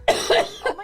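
A quick double cough with a faint third burst, fairly dry and sharp.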